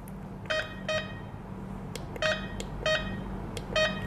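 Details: Short electronic beeps as the buttons of an infusion pump are pressed while programming it to 24 drops per minute, in a nursing competency demonstration, over steady low room hum.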